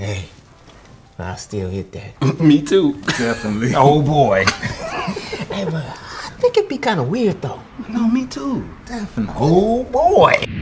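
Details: Adult speaker; ordinary speech.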